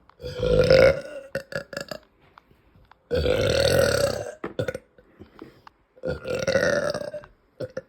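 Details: Woman's uncontrollable burping after eating, reportedly bloated and gassy: three long, loud, voiced belches with short grunting sounds between.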